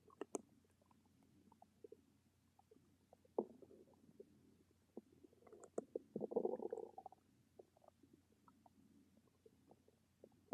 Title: Stomach rumbles